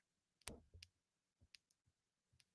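Several faint, sharp clicks and pops in a quiet room as an adult's thumb joint is cracked.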